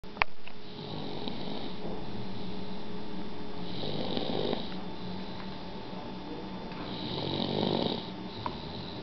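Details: Man who fell asleep at supper snoring: low rumbling snores with each breath, about three in nine seconds, over steady room hum.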